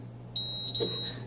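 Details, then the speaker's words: AHP300 transport ventilator: two short high-pitched beeps after holding the button down, signalling reprogramming mode for the custom/quick start settings has started; release and make changes. Ventilator double beep. "hear a double beep you let go and then you just make whatever changes you'd like"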